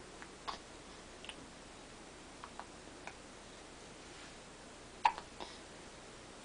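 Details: Serious hiccups in a female wearing a duck outfit: several short, sharp hiccup sounds at irregular intervals over a quiet background.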